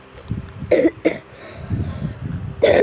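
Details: Three short dry coughs from a child who says they are sick with cough and fever, taking purple cough medicine; faint background noise between coughs.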